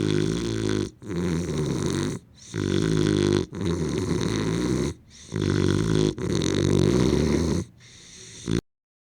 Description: Hear jowl flapping, breathing, and snoring during this English Bulldog sound effect.